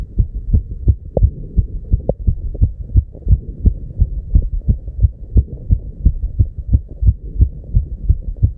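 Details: Fast, regular low thumps at 290 BPM, real heart sound, with a steady hum behind them; rapid heartbeat (tachycardia).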